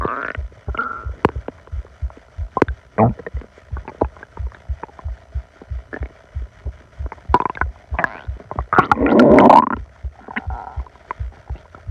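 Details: Upset stomach: loud, frequent gurgling and rumbling with bubbly clicks and a sustained gurgle near the end, hyperactive bowel sounds (borborygmi).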